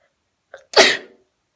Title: four quick sneezes